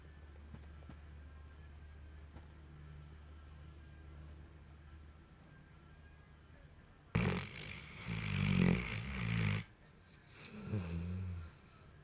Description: Funny Mastiff dreams while snoring with tongue out